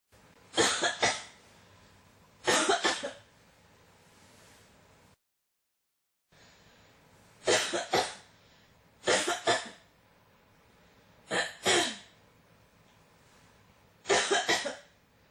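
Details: Six bouts of harsh double or triple coughs spread across fifteen seconds, with quiet gaps between them: a persistent cough that won't stop.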